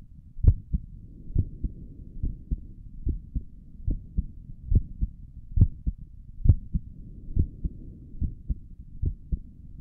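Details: Normal resting heartbeat recorded with a stethoscope on the chest: soft, steady low thumps at roughly 65–70 per minute with a faint background hum.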